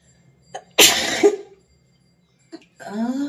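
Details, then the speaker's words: Woman with a dry head cold deliberately provoking sneezes with a toothpick in a sneezing challenge, eyes watering: a single forceful sneeze with a sharp burst of air, then a brief voiced sound. "और जब होती ना sneezing बहुत होते ही जाते होते ही जाते"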